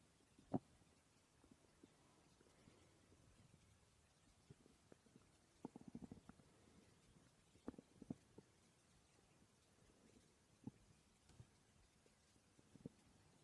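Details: Stomach growling recorded during sleep: faint scattered gurgles and short rumbling pops over quiet room hiss; ordinary borborygmi, a normal digestive sound.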